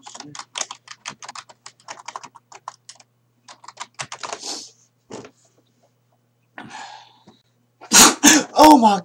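Keyboard typing, a brief hiss, then a loud burst ending in a short voiced call, an acted imitation of a sneeze.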